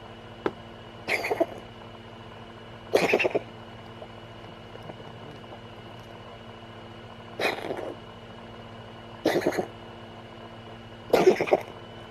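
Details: Cat with a chesty cough: five short, harsh, moist-sounding coughs spread irregularly over about twelve seconds.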